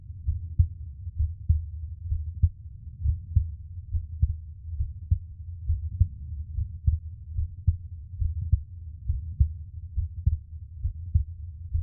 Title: [ASMR] Relax To My Heartbeat For Sleep ❤️ 😴